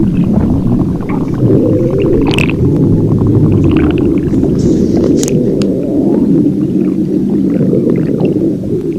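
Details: Stomach growling (borborygmi): continuous low rumbling and gurgling from the belly with a few brief higher squeaks throughout.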